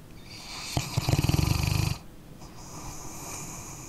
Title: {ASMR} Dog Snoring Sleeping Canine- 1 Hour Dark Screen Tingle Sounds Sleep Relax Study (NO TALKING)